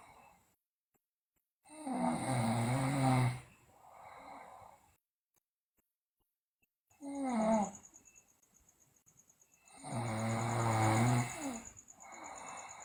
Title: Sleeping Girl Loudly Snore, Teeth Grinding, Delirious